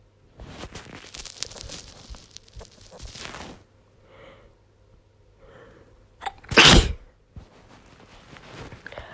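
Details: Woman with a head cold, congested, constant coughing and losing her voice, forcing a sneeze: congested sniffing and breathy build-up, then one loud, forceful sneeze burst.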